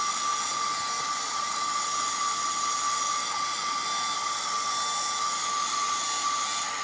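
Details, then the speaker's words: Continuous high-pitched whine at steady pitch with no RPM drop: a rotational atherectomy burr spinning freely and passing easily, during a live endovascular case. "sounds like it's going very easy out here in the RPM drop"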